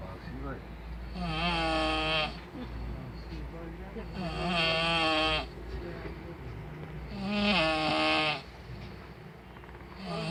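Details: Adult asleep on a train: loud, rumbling, buzzing snores, about three in ten seconds, over train noise; loud snoring.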